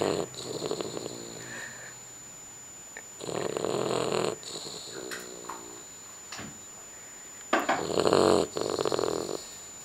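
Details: Sleeping animal indoors snoring: irregular snorting, rattling snores with short grunting and sniffing sounds; snoring.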